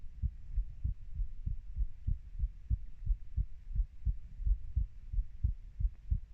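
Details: Heartbeat of a 30-year-old: low, regular lub-dub at about 90 a minute with faint hum behind; normal heart sounds.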